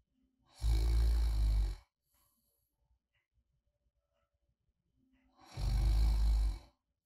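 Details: Light snoring during deep or REM sleep, attributed to relaxed muscles slightly narrowing the airway; described as not loud or apneic, a sign of sound sleep rather than obstruction.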